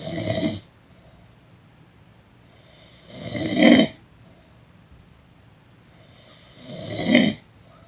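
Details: Person snoring during a daytime nap: three loud, rough snores on in-breaths, about 17 breaths a minute, quiet gaps between; ordinary snoring.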